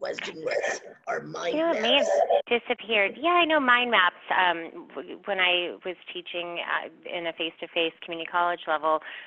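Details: Adult speaker; normal voice.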